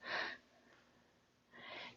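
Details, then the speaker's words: Dog snoring beside a person exercising on the floor: two breathy, hissing breath noises about a second and a half apart in a quiet room. "if you hear a noise bear is right next to me and he's snoring so that's what that noise is it's not me"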